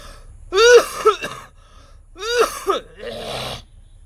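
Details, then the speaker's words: Yoga breathing technique to clear chest phlegm: after a long deep breath, forceful, drawn-out voiced exhalations through an open throat, each ending in a cough, then a breathy rush of air; a deliberately induced voluntary cough. "वायु को एक धक्का देके force के साथ बाहर देंगे, जिससे हमारा एक नेचुरल खांसी, जो प्राकृतिक रूप से हमारा शरीर खांसता है, एक खांसी आपको आती है, वह स्वाभाविक खांसी आपको स्वतः ही आ जाएगी और संग संग आपके कफ आदि को भी लेकर बाहर आएगी।"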